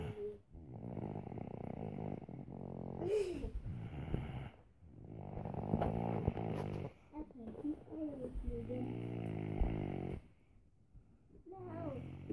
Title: Snoring little boy